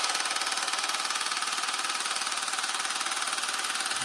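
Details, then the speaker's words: Loud, steady rapid tapping, about two to three pulses a second, from a handheld at-home low-intensity shockwave device applied to a man's penis in a first round by its co-inventor; he reports no pain and no sensation. "So I have no pain on my penis right now, but I can't feel anything. All you guys can do is just hear how loud it is."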